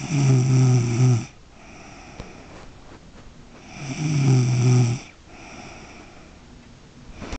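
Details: Woman snoring while deeply asleep: loud, low, rattling snores of about a second each, separated by quiet exhalations, roughly every four seconds.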